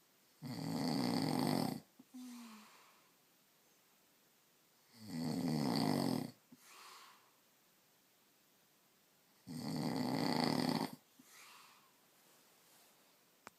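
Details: Adult man (husband) snoring in sleep: three loud, rough inhaled snores every four to five seconds, each followed by a short soft outbreath; loud snoring.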